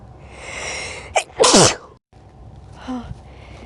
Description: In this video I'm telling you guys I have to sneeze.